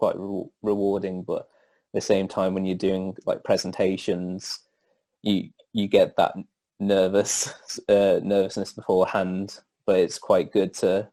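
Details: Stuttering in an adult male who stammers.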